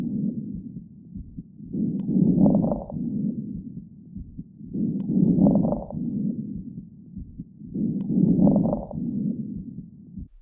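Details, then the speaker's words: Breath sounds at about 18 a minute with fine crackles, a lung sound quiz example; typically found in interstitial pulmonary fibrosis, pneumonia and congestive heart failure. "Dan jawaban yang benar adalah kresek halus. Ini biasanya ditemukan pada fibrosis paru interstisial, pneumonia, dan gagal jantung kongestif."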